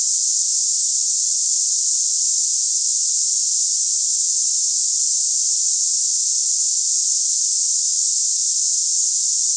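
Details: Steady, unbroken high-pitched cicada-like hiss, a simulated sample of hissing-type tinnitus for comparing ringing or buzzing in the ears.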